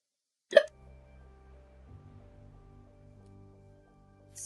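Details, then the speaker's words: Streamer having hiccups while talking: a single sharp vocal catch followed by soft background music; one hiccup. "don't scare me um yeah I read that oh my God my hiccups Jesus yeah man"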